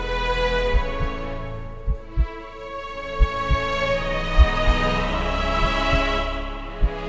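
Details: Soft paired thumps like a slow heartbeat, about 50 per minute, under loud sweeping orchestral music; a heartbeat sound effect in an epic music mix.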